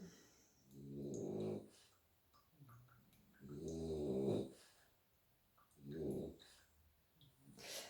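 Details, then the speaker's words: Three pet dogs sleeping together, snoring as loudly as a man: three loud, rattling snores at long regular intervals, about eight breaths a minute, with quieter snuffles between; dogs snoring in their sleep. "que ça ronfle autant qu'un homme. Désolée messieurs. Alors quand j'ai les 3 ensemble, quand les 3 se mettent à faire dodo, ça peut faire une sacrée symphonie derrière."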